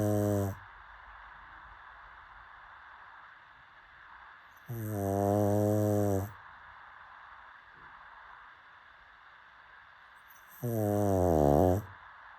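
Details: Pug dog snoring: loud, low, rattling snores about every six seconds, each lasting over a second, with quiet pauses between.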